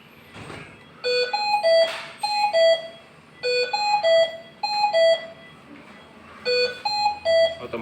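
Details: Hamilton C-3 ventilator apnea alarm, repeating melodic three-to-four-tone electronic bursts about every two seconds with room noise, as the ventilator switches to backup ventilation when the patient does not breathe spontaneously.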